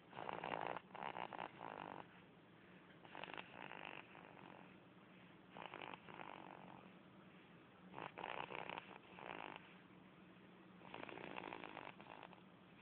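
Soft, raspy breaths repeat about every two to three seconds, roughly 22 a minute: an infant snoring in sleep.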